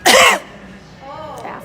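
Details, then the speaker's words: Adult woman deliberately gives a single loud, harsh voluntary cough toward a brain tumor patient filming her in a store, followed by quiet room noise. "I think I'll get real close to you and cough on you then. How's that?"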